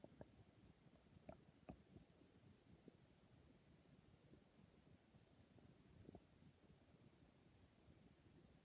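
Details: Stomach growling: quiet low rumbling with a few soft gurgles over steady background hiss; ordinary bowel sounds.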